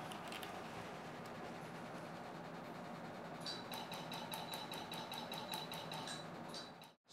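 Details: Room noise, then a run of rapid sharp snapping pulses with a faint whine from a Spectra Q-switched laser during tattoo removal using the R0 protocol of multiple same-day passes; the patient reported no pain.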